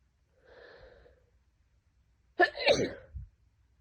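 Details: An adult with a severe head cold for two days, nose burning, gives a soft drawn-in breath, then one sharp explosive sneeze with a short trailing exhale.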